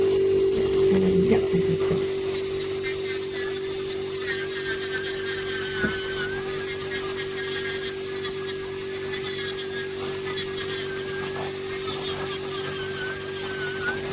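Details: Steady high whine of a rotary nail burr with grinding and rasping as a podiatrist smooths back a man's very involuted ingrown toenail with a receded nail bed from years of overcutting: podiatry nail burr.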